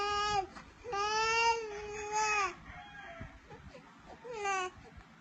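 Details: Baby crying.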